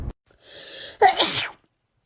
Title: Wet sneeze compilation